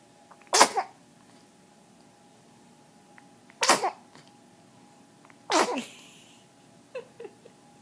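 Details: Three sharp, explosive sneezes a couple of seconds apart in a quiet room, with a few faint snuffles after the last one.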